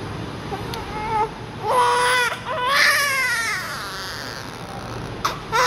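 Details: Newborn crying during a diaper check before cleaning: loud bursts of high-pitched crying with brief pauses for breath; newborn crying.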